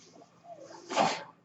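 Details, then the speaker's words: A quiet pause, then a short, loud airy whoosh with faint room noise as the speaker's own mechanical ventilator cycles air during his podcast. "My name is. That noise you're hearing is my ventilator, and thank you for tuning in to Page Turners They Were Not, my Star Wars podcast."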